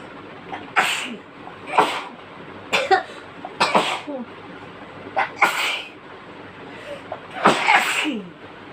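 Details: Sneezing fit set off by an irritant chikni powder: about seven repeated sneezes in quick succession, some with short voiced catches.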